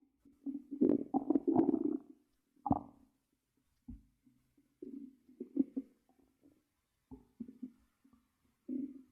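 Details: Bubbly, gurgling stomach growls in irregular bursts, recorded for ASMR while monitoring the belly; normal bowel sounds (borborygmi).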